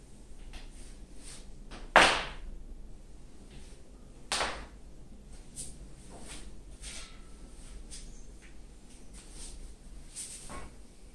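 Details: Self-induced knee popping, said to involve muscle, tendon and ligament and to release tension: a sharp, loud pop, a second softer pop, and a few faint clicks in a quiet room.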